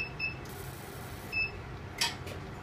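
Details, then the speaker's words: Fractional CO2 skin-resurfacing laser fired in a grid scan pattern onto an apple as a demonstration: high electronic beeps and a steady hiss as the laser fires. "okay and if you come over here you come over here now you'll see it fired a grid what it is it's thousands of very small holes what that does it creates skin tightening collagen reproduction um basically resurfacing the face"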